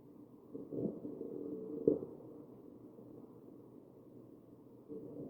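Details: Real ventilated patient, chest auscultated: muffled breath sounds with musical, whistling tones over ventilator breaths; wheezing.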